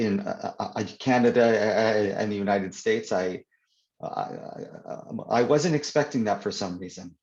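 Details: Adult man who stutters (stammers), in real conversation, who says his stutter is worse when reading aloud; stuttering.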